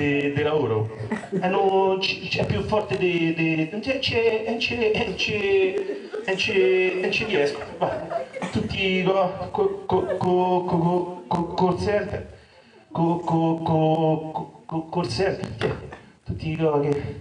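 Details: Acted stuttering performed in an Italian comedy sketch about a stutterer looking for work, with repetitions of sounds and words; stuttering (acted)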